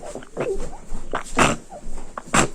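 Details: Repeated strained grunting and groaning vocal bursts with gurgly breathing needing suction, during an epileptic seizure in a sleeping girl with epilepsy of unknown cause, her fourth seizure that day.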